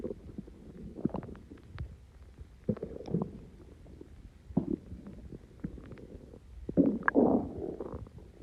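Irregular low gurgling and rumbling bursts of stomach growling, bowel gas and fluid moving; ordinary borborygmi after a very fizzy drink.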